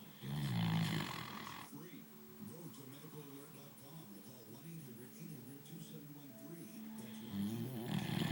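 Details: Sleeping dog: low, fluttering snores at the start and end with softer snuffly breathing between them: snoring.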